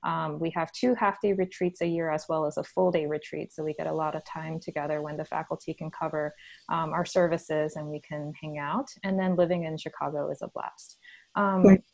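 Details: Adult speaker; Normal speech.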